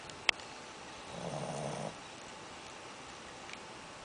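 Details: Shih tzu puppy snoring while asleep after eating too much: a single soft, rumbling snore under a second, with a brief click beforehand, in a quiet room; snoring.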